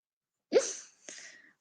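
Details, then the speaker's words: Person with Tourette syndrome describing her many vocal tics: a sudden sharp, sneeze-like vocal burst, then a softer breathy sound, an involuntary vocal tic. "Pues yo hago muchos sonidos, digo frases que son totalmente fuera de contexto."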